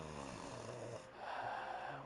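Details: Low rattling breathing from the speaker's wife asleep in the background over room noise; snoring. He says she has sleep apnea and snoring but doesn't use the inhaler device she bought for it.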